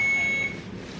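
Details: Single steady high-pitched electronic beep over faint room noise from a hospital IV infusion pump, for a patient whose blood counts dropped and who is getting a Neupogen injection; infusion pump alarm.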